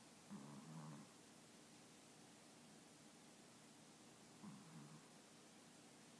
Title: My mom dog Chico snoring!!